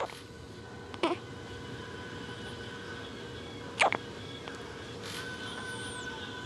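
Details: Infant's first-ever hiccups: two short, sharp hiccups a few seconds apart over steady room hum.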